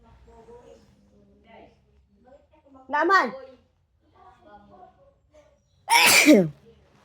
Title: Tickle sneezes beautiful 😍 Philippines 🇵🇭, please like and SUBSCRIBE.